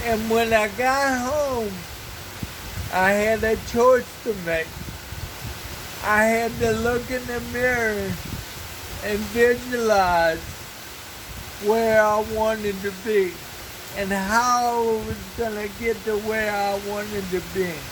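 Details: Dysarthria in an adult man who has lived 49 years with cerebral palsy and reports a speech impairment.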